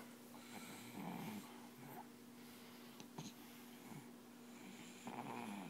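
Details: Soft, irregular snuffling snores over a steady background hum; light snoring in a sleeping dog.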